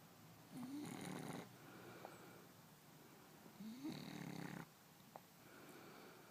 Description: French Bulldog snoring in bed with his human.